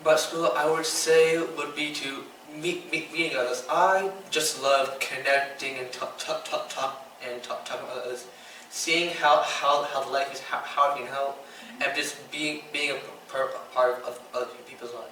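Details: 15-year-old boy with Tourette syndrome diagnosed around age 8-9, whose tics include stuttering when talking, blinking, coughing and mouth noises; speech tics with word and part-word repetitions.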